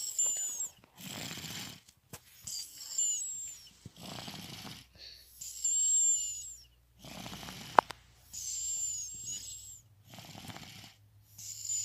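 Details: Soft, hissing, snuffly breaths from a napping baby girl (third daughter), about 22 a minute: light baby snoring.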